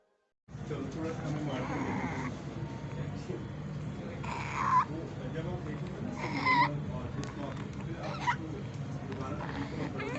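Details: Infant with laryngomalacia: brief high-pitched squeaky noises on breathing in, inspiratory stridor.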